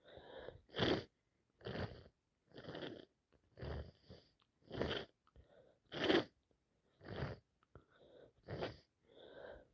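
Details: An adult with a cold caught from their boss makes repeated short nasal bursts, about eight sniffs or small sneezes with quieter breaths between.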